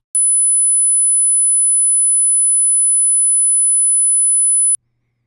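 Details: Steady very high-pitched 10 kHz sine-wave test tone at −12 dB from a tone generator, about four and a half seconds, in an informal hearing-range test; high-frequency hearing test tone.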